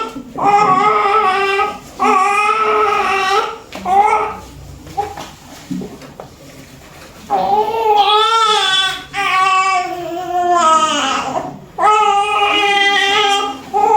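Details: Post-mature newborn right after a normal vaginal delivery: loud, sustained, vigorous crying in repeated bursts with brief pauses for breath.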